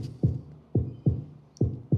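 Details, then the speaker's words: Normal heart sounds played in a premedical class: low, regular lub-dub thumps at about 70 beats a minute from a simulator, the sounds of heart valves closing. "este sonido que escucha no vamos a subirlo un poco para que lo escuche escuchan el latido del corazón yo no lo escuché"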